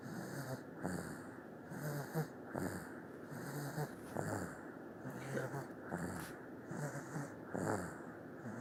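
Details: A sleeping baby snoring softly and rhythmically at about 18 breaths a minute, with a faint whistly noise.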